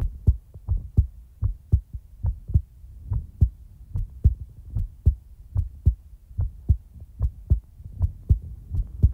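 Steady paired heart thumps, lub-dub, at about 73 beats a minute with a regular rhythm.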